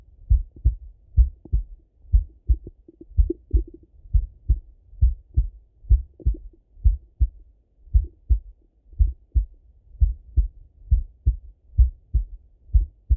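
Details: Male heart auscultated with a stethoscope, recorded partly sitting at a desk and partly lying in bed: steady paired lub-dub about 75 a minute; normal heart sounds.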